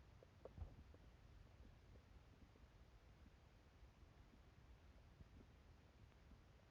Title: More hungry gurgles plus sneeze 🤧